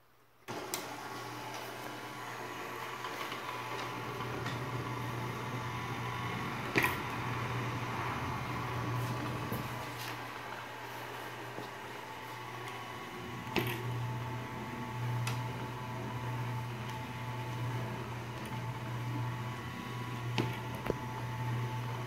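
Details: Homemade DIY ICU mechanical ventilator operating, close-up: steady low motor hum with soft mechanical creaks and a sharp click roughly every seven seconds.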